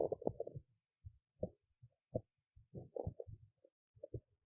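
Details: Hunger bowel sounds from a woman's belly after skipping lunch: irregular low gurgles and squelching bursts from an empty stomach.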